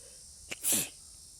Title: Sneezing in the park